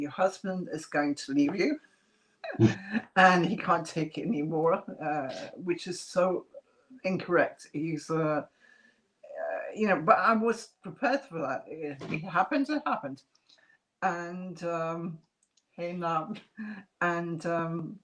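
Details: Adult woman after multiple strokes (two hemorrhagic, three ischemic, 2012–2013) who lost speech and relearned it, with a slight remaining speech impediment; mild residual aphasia after stroke.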